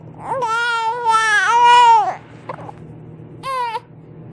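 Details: Infant girl crying unhappily while she has the hiccups: a long wailing cry with a pitch break, a short catch, then a brief second cry; loud, clear infant crying.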